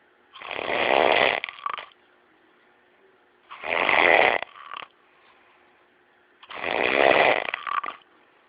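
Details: Three loud, rough, rattling snores, each ending with a short snort, about 20 a minute, with quiet pauses between; snoring.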